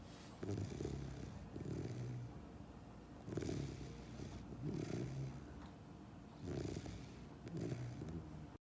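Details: 10-week-old German Shepherd puppy asleep, snoring out loud: soft, low snoring breaths about twenty a minute over steady room noise.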